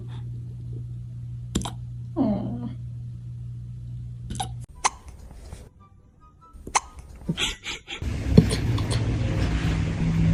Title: Puppy hiccups make fuuny noises 🤣🤣 #funny #youtube #funnyshorts #cutedog #usa